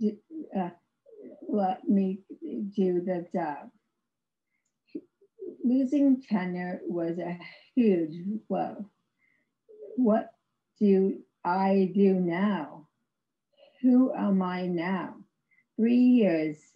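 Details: Aphasia in an adult woman after a severe stroke in 2010, about 11 years earlier; she had no speech for three years and has ongoing speech difficulty, described as severe aphasia.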